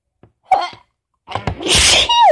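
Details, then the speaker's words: Day 4 of a cold combined with fall allergies: short catching breaths, then a strong explosive sneeze trailing into a voiced cry, amid tickle and stuffiness; sneezing fit. "Oh, fucking sneezing fits. Oh God. Now it's teasing. Teasing tickle. Stopped up. Oh, the tickle. Oh. These are so strong."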